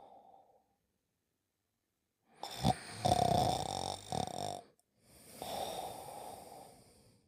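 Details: Simulated cartoon snoring by a sleeping character: exaggerated noisy snoring breaths separated by silence, from an animated series soundtrack.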